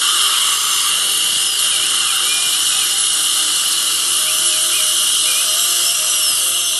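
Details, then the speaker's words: Dental surgical drill with water irrigation on hard tissue during surgical extraction of a lower left third molar in a female patient: a steady, continuous high-pitched whine of bone cutting. "Okay. Lots of water and little vibration you're gonna feel here. No worries."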